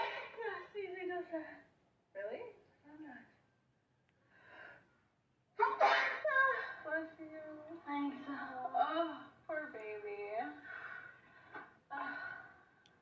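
Short voiced catches build to one loud, sudden sneeze burst, followed by voiced sounds like talk or laughter.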